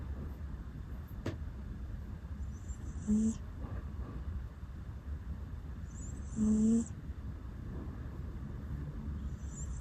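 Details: Rescue cat that always makes 'puu' sounds while sleeping, asleep on a bed with an electric blanket: two short, soft nasal 'puu' sounds on breathing over a steady hum. Light snoring.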